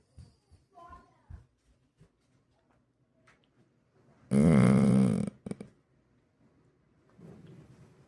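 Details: Male sleeper snoring: a single loud, rough, rattling snore against quiet breathing and faint room sounds.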